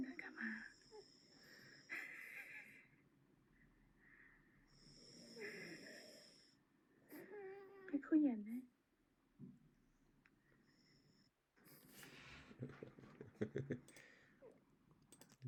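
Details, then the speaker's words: Father snoring at rest, soft snoring breaths, with a baby's fussing cries partway through in a quiet room; snoring that upsets the baby. "back got this CLI for us to watch it says I totally understand the baby's reaction see if you're next to someone who snows is torture it's witch"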